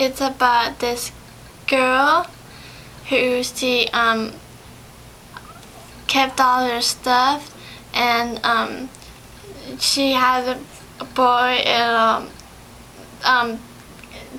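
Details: 17-year-old female in speech therapy in April 2011, about two months after an ischemic/hemorrhagic stroke on February 27, 2011 from a longboarding/snowboarding incident; story retelling with pauses and fillers; aphasia.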